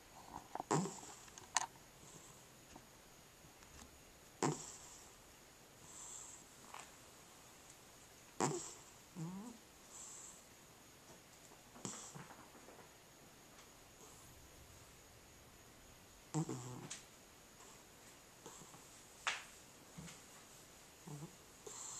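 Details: Cat with sleep apnea, asleep: irregular snorting breaths separated by quiet gaps, consistent with breathing pauses.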